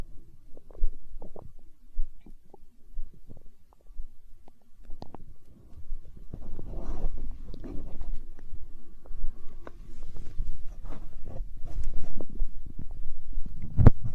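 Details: ASMR recording of a growling stomach tagged as hunger sounds: low gurgling, rumbling bowel sounds rising and falling continuously; stomach growling (borborygmi).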